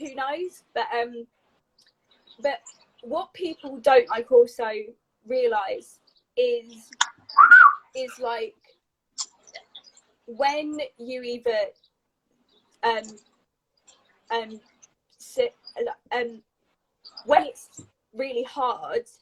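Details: Adult woman with a lifelong stammer that began at age three, a neurological speech impediment involving blocks that fluctuates during the day; she rearranges words to get them out; stuttering (stammer).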